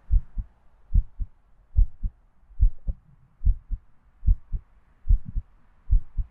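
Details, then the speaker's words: Steady, regular heartbeat at about 73 beats a minute, each beat a soft lub-dub pair, played as a sleep aid; normal heartbeat. "Yes, my heartbeat is much like yours, cutie."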